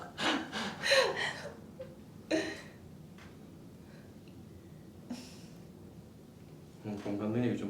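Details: Several sharp, breathy intakes and bursts of breath, then a longer voiced exhale, in a quiet room: gasping from a patient reacting to manual therapy muscle release on tight latissimus dorsi/back muscles.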